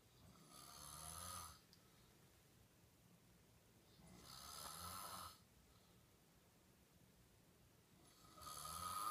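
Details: Sleeping girl snoring: breathy, hissing snores with a low rumble, each about a second long, about 3.5 seconds apart, roughly 17 breaths a minute.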